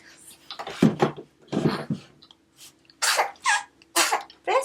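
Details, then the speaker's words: Six-week-old baby girl with nasal congestion having her nose cleared with a NoseFrida nasal aspirator: bursts of suction noise with brief fussing between them, and wet, snuffly congested nasal sounds. "I don't know if you guys can hear her little nose is definitely congested"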